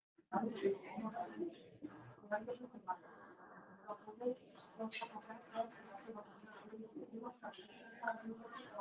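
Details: Laryngectomy patient after laryngeal cancer speaking with an electrolarynx placed under the chin: speech on a steady flat mechanical buzz, no pitch change, hard-to-follow words; electrolarynx speech.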